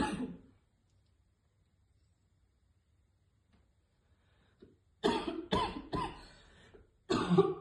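About five hard, harsh coughs after a pause, a choking cough fit after inhaling vapour.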